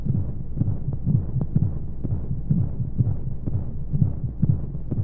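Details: Womb sound for baby sleep: muffled, whooshing heartbeat pulses at roughly 125 a minute under steady rushing white noise and monotonous flowing sounds. Heartbeat.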